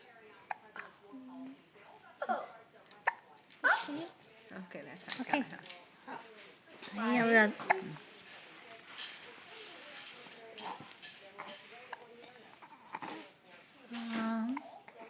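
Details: Hiccups in a baby: short, abrupt voiced catches repeating at intervals, mixed with aunts mimicking them and soft talk.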